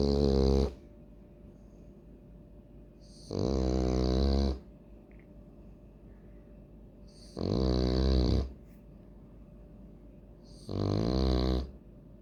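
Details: Loud, rattling snores from a sleeping French Bulldog, about 18 a minute, with quiet pauses between; heavy snoring.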